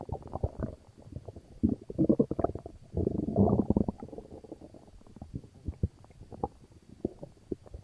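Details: Loud, bubbling gurgles and rumbles from an upset stomach in clustered bursts with quieter clicks between: bowel sounds, stomach rumbling.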